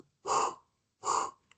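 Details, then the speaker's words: Imitated cavernous (cavitary) breath sound: two hollow, blowing inspirations through lips rounded as if saying "O", mimicking the breath sound heard over a preexisting lung cavity. "Entonces, el sopro [carraspeo] cavitario también se puede se se presenta en la aspiración cuando hay lesiones preexistentes cavitarias."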